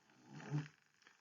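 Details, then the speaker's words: Dog snoring while asleep in a quiet room: a single low, rumbling snore swelling and fading within about a second. "that's my dog snoring if you can hear it"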